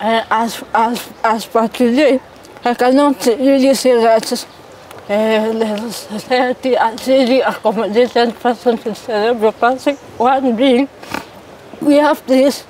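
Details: 33-year-old woman born with cerebral palsy; dysarthria (cerebral palsy).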